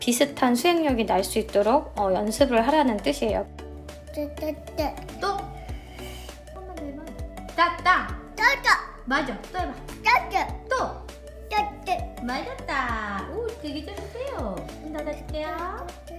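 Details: Young child imitating an adult's words; childhood apraxia of speech.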